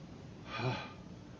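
A single short, sharp inward gasp, the breath drawn in just before a sneeze.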